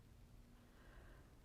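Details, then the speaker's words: Pet chihuahua snoring in the background while snuggled asleep under a blanket: faint, low, rumbling snort-like breaths against quiet room noise. "that noise in the background is my chihuahua snoring when it's not too hot she loves to just snuggle under a blanket goes into her own little happy world and SNS like a buzz saw"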